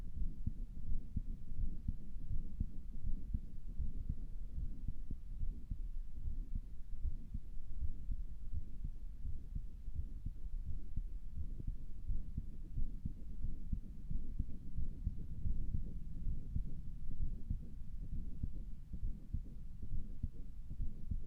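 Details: Self-recorded heart sounds through a stethoscope that sounded weird to the person: muffled low heartbeat with steady rumbling noise; a possible murmur cannot be clearly made out and is unconfirmed.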